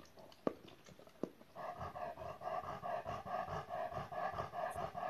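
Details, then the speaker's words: Dog at rest at home with laryngeal paralysis: rapid loud panting about 140 breaths a minute, with faint inspiratory stridor, stridor otherwise only after strenuous exercise or excitement; no improvement on prior respiratory treatments. "so you see that she's in her house at rest and she has excessive punting the strier is induced only after strenuous exercise only after exercising or after getting you know enthusiastic it's not constant as it was in the previous case"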